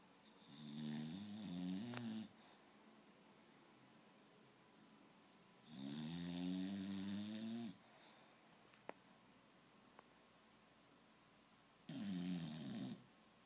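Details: Snoring: three long, rattling snores on the in-breath, spaced by quiet pauses in a still room.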